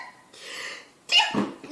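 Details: A woman beauty YouTuber doing her makeup gives a soft breathy intake followed by a sharp, bright burst: a single small, dainty sneeze.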